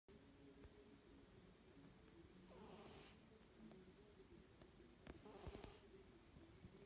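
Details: Soft, steady low rumble with two louder, rough breathy snores over seven seconds from a sleeping pet cat: ordinary snoring during sleep.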